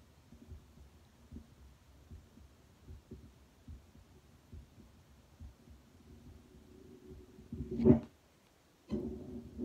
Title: Auscultation stethoscope heart sounds mitral-tricuspid-erb’s-pulmonic-aortic+Lithmann Cardiology